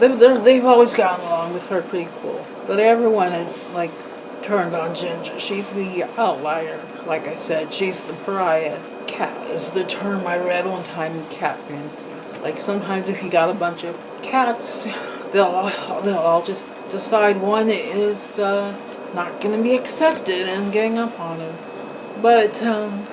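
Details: Dysarthria with slurred, breathy, out-of-breath speech in an adult woman with facioscapulohumeral muscular dystrophy, on a ventilator via tracheostomy, whose mouth barely works.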